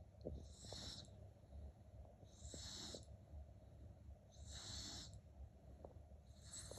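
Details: Sleeping dog snoring very loudly: slow, regular rasping breaths about 30 a minute, each with a hissing, whistly noisy phase.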